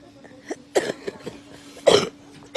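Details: An adult mother with COVID-19 in intensive care, struggling to breathe, gives two harsh coughs with smaller gasping sounds between them over a steady low electrical hum; cough.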